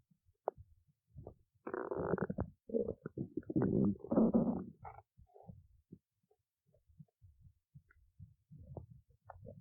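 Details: Stomach growling: irregular gurgles and squeaky rumbling bursts from the belly in a quiet room, fading to scattered small pops; ordinary borborygmi.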